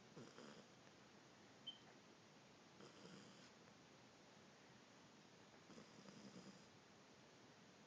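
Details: Dog (Chewbacca) snoring while sleeping on a couch: soft, faint snoring breaths about every three seconds, roughly 20 per minute, in a quiet room.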